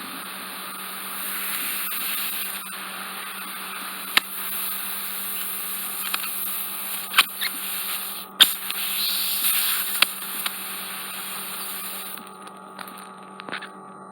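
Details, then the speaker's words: Micro-suction removing cotton-bud-impacted wax lodged on the left eardrum in the anterior recess: steady high suction hiss with occasional sharp clicks and pops; ear wax micro-suction. "It's going to be a bit noisy, as I said."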